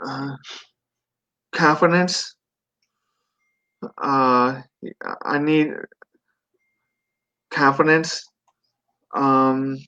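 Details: Residual post-stroke aphasia in a 42-year-old man. At 17 he had a stroke from an artery rupture during benign brain tumor surgery, then an induced coma, leaving right-sided paralysis and global aphasia. He later relearned to speak.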